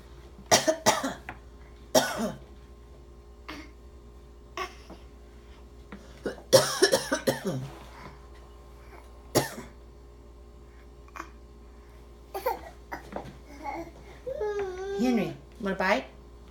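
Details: Several short coughs and throat-clearing sounds from a young child, with household hum and brief babbling; a plain childhood cough.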